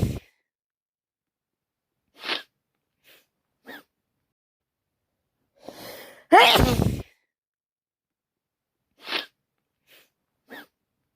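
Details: One loud sneeze preceded by a short inward gasp, amid quiet sniffs and breaths; day 5 of a cold, still sneezing.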